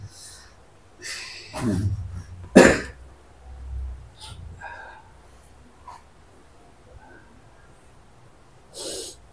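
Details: Short explosive bursts, a cough and sneeze-like snorts with breathy noises in a quiet room, heard during a massage therapy session for a patient with right-sided frozen shoulder pain spreading to the arm, shoulder blade, neck and head.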